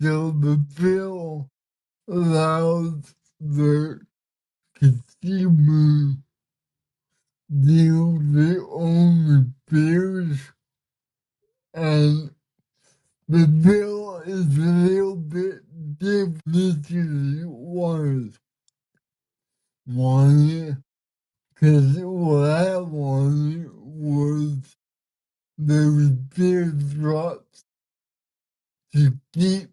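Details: 32-year-old man with cerebral palsy, speaking in a real conversation; dysarthria (cerebral palsy).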